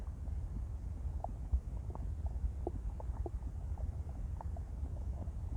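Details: Woman's empty stomach growling after an 18-hour fast: low, continuous rumbling and gurgling with faint bubbling pops.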